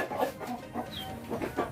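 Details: Chicken with "ngorok" (respiratory snoring): short, harsh rattling clucks with noisy breathing, a respiratory rattle.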